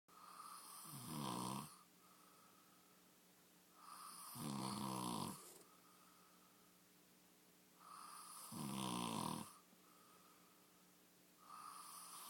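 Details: Snoring during sleep: three loud rattling snores on the in-breath about every 3.5 seconds, roughly 17 breaths a minute, with a steady background tone.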